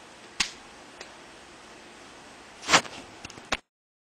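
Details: Deliberate joint cracking of the hips, knees, ankles and toes: several sharp, dry pops and cracks in a quiet room.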